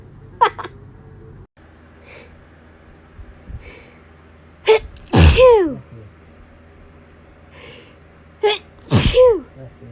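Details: Two loud sneezes, each with a sharp in-breath and forceful burst, plus smaller catches, on being woken at 6am by allergy sneezes; repeated sneezing.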